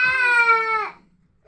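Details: A single sustained, steady-pitched wail from an infant crying after waking up, under a second, then quiet, while adults playfully urge the baby to cry louder: infant crying.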